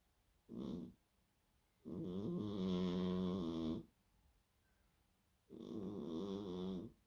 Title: Victor snoring again #cat #shorts